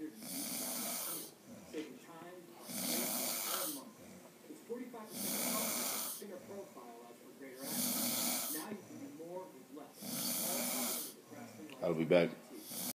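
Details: Person snoring after a long night in Vegas: loud, rough snores with each breath, about five in thirteen seconds, with quieter rattling breaths between; heavy snoring.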